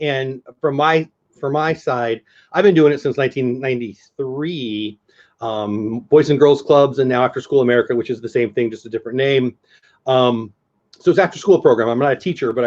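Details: Adult speaker; Normal speech.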